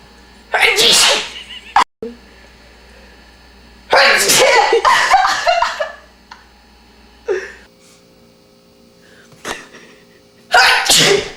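Loud, noisy bursts of air come in a run with short gaps, alongside voices and laughter in a small room: sneezing.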